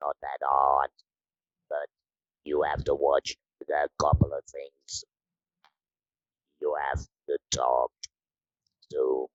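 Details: Adult woman from the Netherlands who has had laryngectomy surgery, leaving her with no natural voice, now speaking with an Inspiration electrolarynx; electrolarynx speech after laryngectomy.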